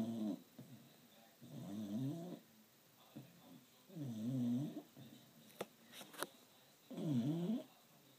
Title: Try not to laugh:funny dog snoring